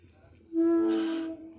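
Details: A pet puppy, described as a guard dog, snoring: a single high, whistling breath with a soft airy hiss.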